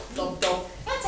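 A veterinarian voices two quick 'lub-dub' beats in imitation of a healthy, normal heartbeat heard through a stethoscope.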